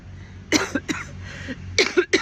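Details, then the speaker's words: Adult on a walk outdoors with chest congestion gives about six short, harsh congested coughs in two quick runs, with low outdoor rumble behind. "Decided that I needed to get some hot coffee instead of cold this morning, because I could feel the congestion in my chest. Yeah, I know y'all can hear me every time I cough."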